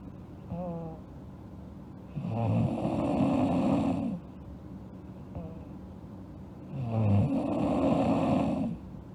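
Long, rough snores on the in-breath, each lasting about two seconds, with a quieter out-breath between them. Steady background hum.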